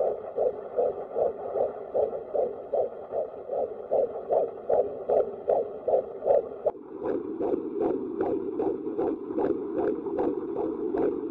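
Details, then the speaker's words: Pregnancy ultrasound with a full bladder: fast, regular whooshing fetal heartbeat at about 150 per minute, volume turned up after the tiny moving heart is seen; fetal heartbeat. "Oh, see that tiny spot? The little thing moving? It's your baby's heart. I'm just going to turn up the volume so that you can hear the heartbeat."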